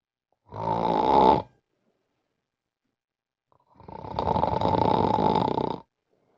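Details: Extremely loud snoring in a person with severe obstructive sleep apnea.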